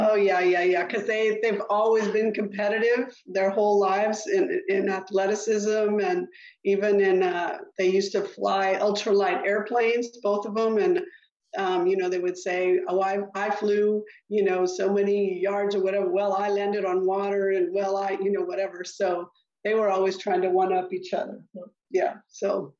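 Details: Adult woman speaking; Normal fluent speech.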